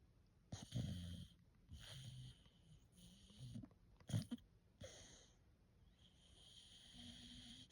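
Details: Sleeping 4-month-old female brindle Bullmastiff making irregular snorting, rattling breath noises, roughly 18 a minute; snoring.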